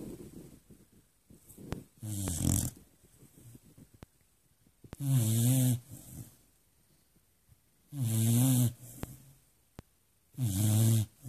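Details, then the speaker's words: Beagle snoring loudly while asleep, with rough snores on each in-breath, about three every ten seconds, and quiet breathing between; snoring. "this is kept me up all night long Jenny the Beagle is there anybody that has to endure a snora like this my God"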